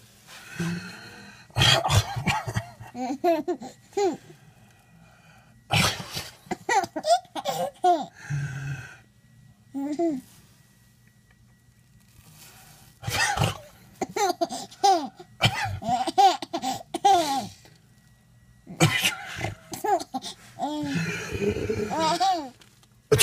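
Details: Sneezes: an adult (a baby's father) gives several sharp, explosive sneezes, each followed by the baby's bubbly giggling.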